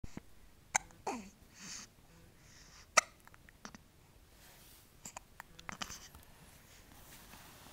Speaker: Feel better, baby? No? How does it feel to have the hiccups, baby?